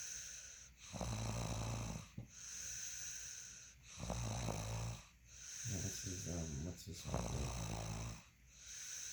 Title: Me Snoring 3